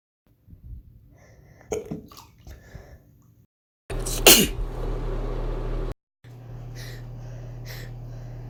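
Separate cuts of adults sneezing, one loud explosive burst standing out in the middle, over steady background hum; ordinary sneezes.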